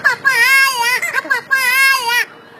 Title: Various sound of crying baby